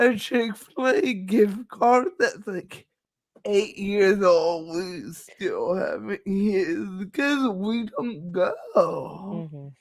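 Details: Adult woman with cerebral palsy, which she says is why she talks this way and that nothing can be done about it; dysarthria (cerebral palsy).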